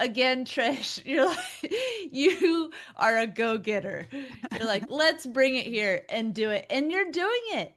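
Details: Adult woman speaking; typical speech.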